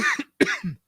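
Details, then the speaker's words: Adult man gives two quick, harsh coughs loud and close to the microphone during a live sports commentary stream; a plain cough. "And cough right into the mic. I'm sorry about that. That was my bad."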